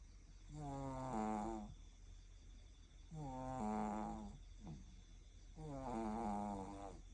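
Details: Sleeping baby; three soft, voiced, purring snoring sounds about 24 a minute; gentle infant snoring.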